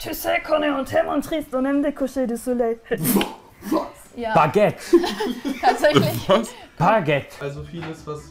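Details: Adult speaker; Tourette syndrome vocal tics.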